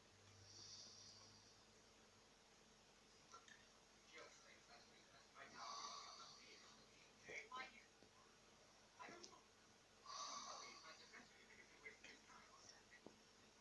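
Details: A man who claims he doesn't snore, sleeping: soft, irregular snoring breaths with a light rattle, a few seconds apart, in a quiet room.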